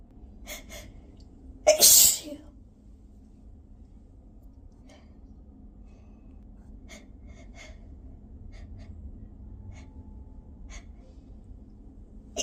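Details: A single forceful, spray-filled adult sneeze with a quick intake of breath, then quiet room noise and faint clicks.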